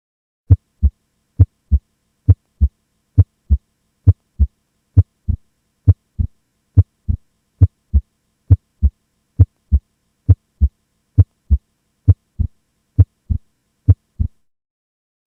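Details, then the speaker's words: Normal S1 and S2, regular lub-dub at about 67 beats a minute with no extra sounds, played for comparison before a mechanical aortic valve click. "I'll give you an example of a mechanical AVR click first I'll play a normal S1 and S2 so those sounds are fresh in your mind for"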